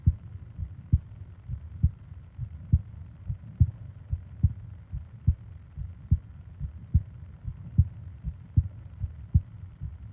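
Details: ASMR sleep-aid recording of heart and breathing sounds: steady low heartbeat thumps at about 70 per minute over a soft background hum; a normal heartbeat.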